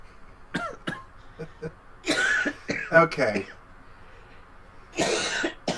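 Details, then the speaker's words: Adult man with COVID still, giving a few short, harsh coughs between brief vocal sounds during a podcast. "coughing directly into the podcast no I'm coughing this way I can hear it perfectly sorry it's not good T me so I know but I I have Co still"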